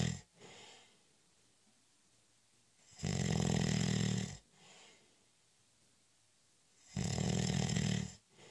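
Two long, rough inhaled snores about four seconds apart, with soft breathing between them. Snoring, about 15 breaths a minute.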